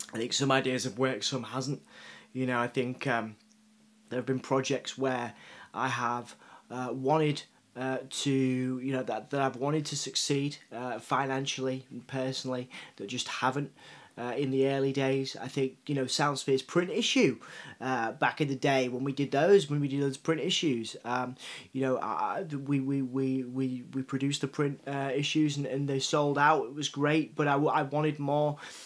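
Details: Adult man, a journalist, with a self-reported stutter and cerebral palsy: stuttering with cerebral palsy speech.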